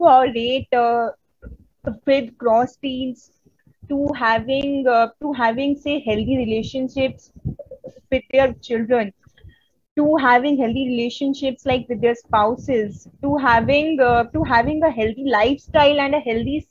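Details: Real stuttering in an adult woman from India who stutters, presenting at a conference on women and stuttering, with audible word repetitions: stuttering.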